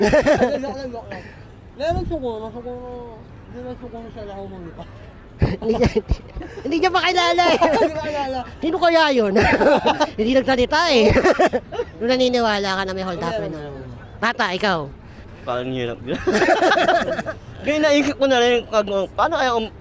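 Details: Young Filipino man, self-described 'ngongo' (nasal-voiced); hypernasal speech.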